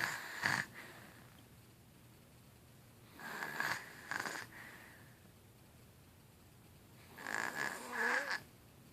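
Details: Sleeping infant snoring in noisy bursts with a whistling edge, about one breath every three to four seconds.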